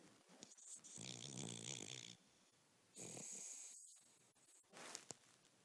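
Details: Cavalier King Charles Spaniel napping and snoring: a rattling, buzzy inhaled snore followed by breathy, hissing exhalations, repeating in slow cycles, about three in under six seconds.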